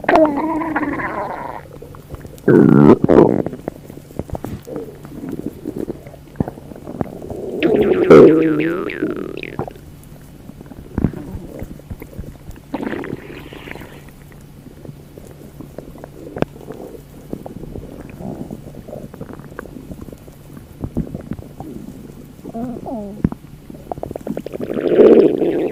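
Gurgling stomach rumbles with squeaky, rising and falling tones, typical of ordinary borborygmi from gas and fluid moving through the gut.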